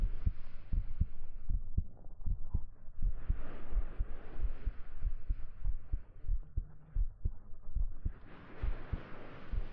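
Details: Steady, soft low heartbeat thumps at about 80 a minute under rustling fabric, heard close up in a 3Dio binaural ASMR hugging roleplay; heartbeat.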